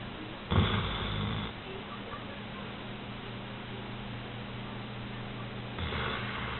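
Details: Female Old English Sheepdog snoring asleep in bed: two low, rough snoring breaths about five seconds apart over steady room hum; dog snoring.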